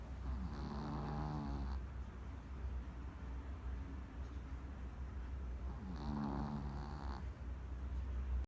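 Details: Pomeranian dog snoring loudly while asleep: two long, wheezy whistling snores about five seconds apart over a steady low hum.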